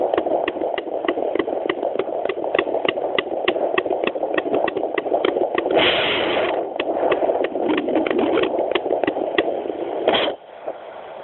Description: Chiquita is a chihuahua pregnant with two puppies. Hear each of their heartbeats with a handheld doppler. The heartbeats range from 200-240, normal for unborn pups.